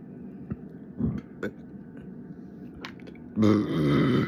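Quiet room noise, then a loud, low, gurgling belch lasting about a second: a burp.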